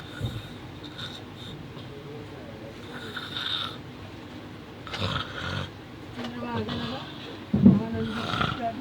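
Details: A sleeping male snoring: irregular, rough snores and snorts, with some background noise.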